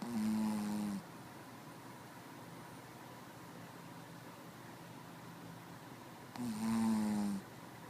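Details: Ordinary snoring: two low, buzzing snores on the in-breath about six seconds apart, roughly ten breaths a minute, with quiet room noise between.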